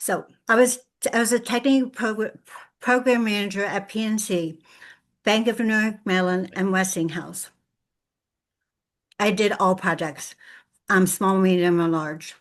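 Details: Adult woman with lifelong aphasia after a severe stroke on Thanksgiving Day 2012, who reports difficulty putting words together; aphasia.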